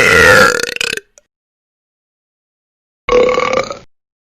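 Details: Sound-effect recording of funny burping: two loud, throaty belches separated by silence.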